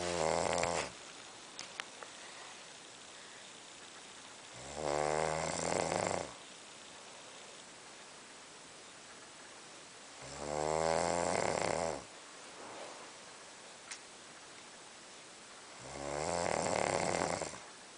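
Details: A sleeping man snoring slowly and loudly, rumbling on each breath in, about four in eighteen seconds, with quiet pauses between; snoring.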